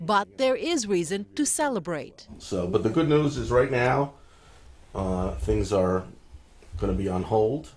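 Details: Adult speaker; normal speech.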